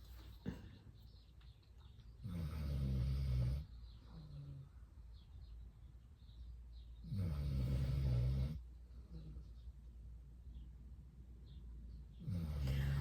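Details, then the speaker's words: Loud, low rumbling snores from a sleeping dog, about every five seconds (roughly 12 a minute), quiet breathing between; louder than usual today; snoring. "I can hear the snoring he's so loud isn't it oh God that dog some days he's not as loud as others is he but today is very loud"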